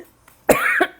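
A single short, throat-clearing cough in a quiet room.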